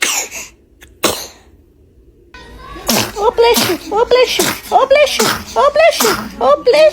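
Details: A baby sneezing several times in a row: small sharp sneezes followed by fussy crying and cooing sounds.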